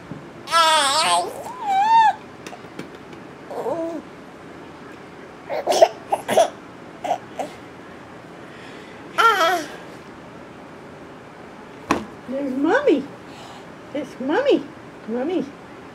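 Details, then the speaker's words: A 9-month-old girl hiccuping while laughing: abrupt hiccup-like catches between squeals, giggles and babbling, about eight bursts. "Good one. Now you got the hiccups."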